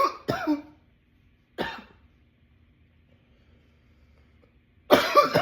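Several harsh cough bursts in quick clusters with brief pauses, then another loud cough; an ongoing coughing attack.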